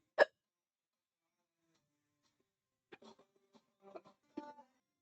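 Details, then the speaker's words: Repeated hiccups from a person whose hiccups won't go away and keep interrupting speech; hiccups. "Odio el hipo. Me pone muy malum."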